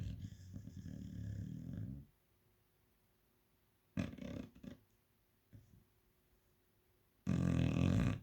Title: snoring chow 😴 🇬🇧